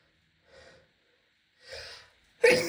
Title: can‘t stop sneezing (F)